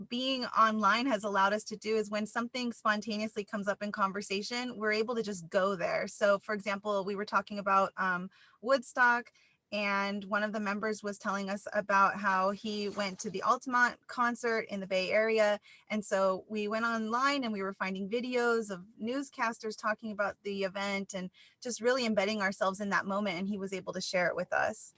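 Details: Adult woman speaking; normal speech.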